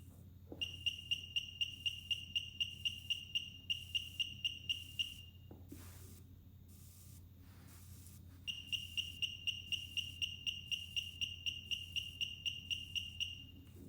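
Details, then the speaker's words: LCS 121 therapeutic ultrasound machine, 1 MHz, demonstrated in pulse mode (power 0.1–3) using water instead of gel: rapid, regular high-pitched beeping pulses, about four a second, with a pause midway; pulse-mode output. "For the demo purpose, we are using water, but make sure you use jelly during the therapy session. Now I will show you the output in the pulse mode."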